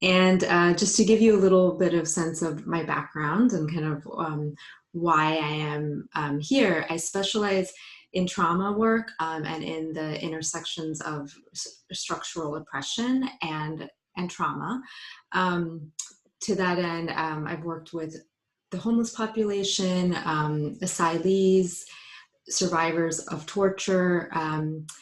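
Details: Adult female psychologist, a person who stutters, speaking spontaneously as a live panelist; stuttering.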